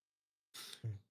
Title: (AG2) female twitch streamer rapid sneeze compilation